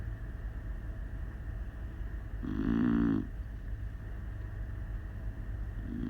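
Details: Beagle snoring loudly while asleep: a single rough snore over a steady background hum, with the start of another at the end.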